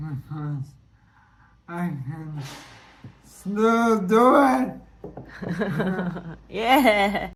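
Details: Dysarthria in a man with ALS (motor neuron disease) whose throat muscles are weakening, causing breathlessness and effortful speech; symptoms began in early 2023 with evening hoarseness, then slurred speech; he expects to lose speech and swallowing.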